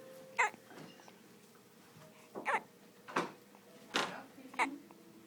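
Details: Hiccups: five short, sharp voiced gulps in about five seconds, with faint room noise.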